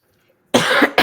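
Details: Adult who says she is struggling, wheezing and short of breath, and has an oxygen machine, gives a loud, harsh cough burst after a moment of silence, quickly followed by the start of a second; a cough.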